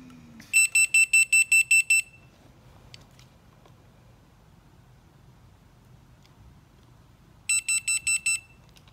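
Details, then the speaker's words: Two bursts of fast, shrill electronic beeps separated by quiet room noise: a Revel transport ventilator's start-up alarm on power-on, being restarted for setup as NPPV/BiPAP, with a test lung before patient use. "let's go back to let's go ahead and actually start over turn the whole thing off and I'll show you this from beginning to end"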